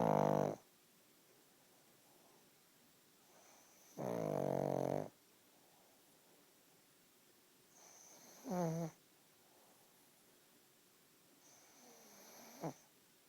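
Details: Pug napping: loud rattling snores with squeaky, whistling breaths between, from a sleeping flat-faced dog; snoring.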